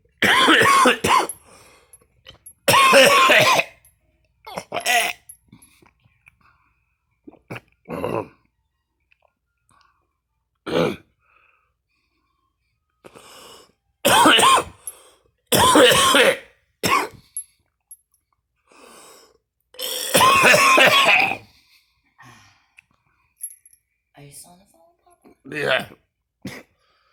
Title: me coughing and gagging